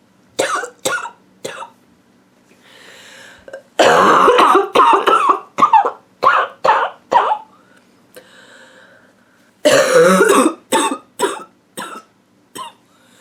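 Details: An adult woman with a nonstop, nasty barking cough: repeated harsh, hacking bursts and clusters with brief breaths between.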